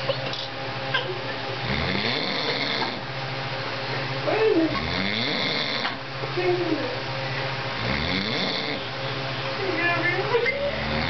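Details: Person sleeping after eating and drinking a lot on Thanksgiving: loud rattling snores on each inhalation about every three seconds, with whistling and gurgling tones on exhalation; snoring.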